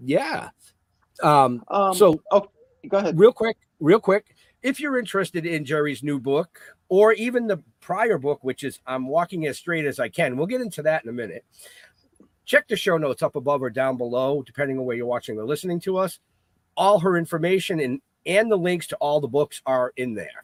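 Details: Adult man speaking; normal speech.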